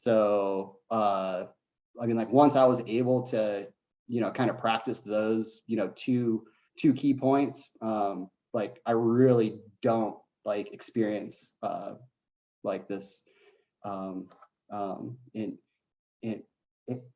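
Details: Adult man who says he has a bit of a stutter, speaking on a live online panel; stuttering.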